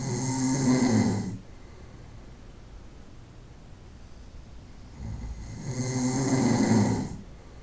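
Two loud, rattling snores on the in-breath, separated by a quiet exhale pause of about four seconds; habitual snoring.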